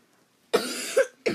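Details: A drawn-out raspy cough, then a short second cough, from a sick gamer coughing while playing; cough during illness.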